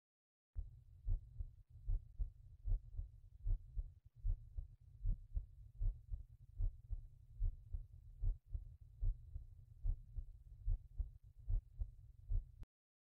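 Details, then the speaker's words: Regular heartbeat at about 75 a minute, heard with an intelligent stethoscope with synchronized ECG over the tricuspid valve area, fourth to fifth left intercostal space: heart sounds at tricuspid area. "first listen to the atic valve area second listen to the pulmonic valve area third listen to the trusper valve"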